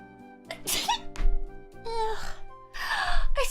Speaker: Oh, I sneezed. Oh. Oh, thank God I finally sneezed. Oh, thank you, thank you. It must be the dust.